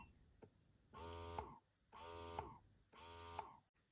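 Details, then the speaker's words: Steady buzzing motor cycling about once a second, each cycle ending in a faint click, from a Vital Baby electric breast pump demonstrated at different levels of its nine-level settings. "so it goes up to nine levels so this is how that sounds on level 9 and this is how that sounds on level one"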